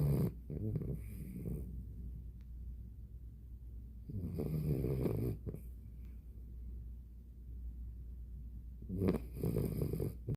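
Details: Dog named Moe snoring while asleep: low rattling snores on each breath in, about three breaths in ten seconds with quiet pauses between; ordinary snoring.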